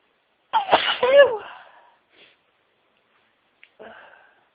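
One loud, forceful sneeze with a voiced tail, followed by quiet breathing and a faint sound; part of a sneezing fit.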